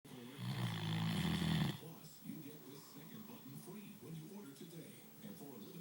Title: Peanut snoring